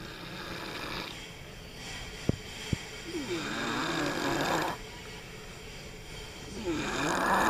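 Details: Irregular rough snoring breaths with odd squeaky, whistling tones and a couple of sharp clicks; noisy snoring during sleep.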